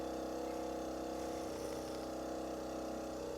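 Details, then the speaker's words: Suction machine running during a nasopharyngeal suctioning OSCE demonstration on a mannequin after the catheter met resistance and was pulled back: continuous steady motor drone as suction is applied. "I feel resistance, so I'm going to come back a bit and apply suction."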